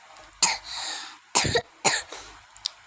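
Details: Child reciting Surah An-Nas who apologizes for coughing: three sharp, dry cough bursts with a soft breathy exhalation between the first two.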